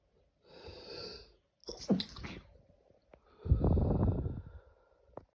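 Two to three sneezes, each with a sharp intake then an explosive burst through nose and mouth.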